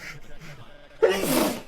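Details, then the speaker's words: Male person sneezing after saying he is trying to sneeze: quiet talk, then one sudden loud explosive sneeze, an ordinary sneeze. "been sneezing more than you've been taking breaths"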